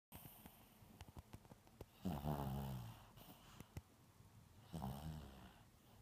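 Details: Sleeping Maltese puppy, dreaming: two rough, buzzing snores on the in-breath, with faint clicks and quiet room noise.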